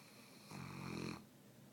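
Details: snoring: Saint Bernard puppy giving a single low, rattling, voiced snore on breathing in, over a steady room hiss.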